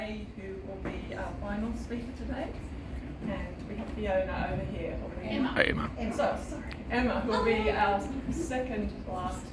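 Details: Adult woman speaking to a group; Normal speech.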